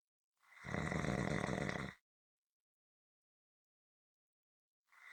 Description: This is a 7 minute clip consistant rhythmic snoring. Attached at the end is a longer audio if you want more!